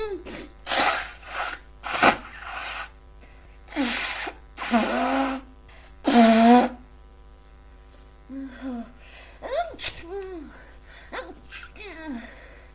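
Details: A run of sneezes with sharp inbreaths and loud bursts, then sniffly voiced noises; repeated sneezing in a person with a congested head cold.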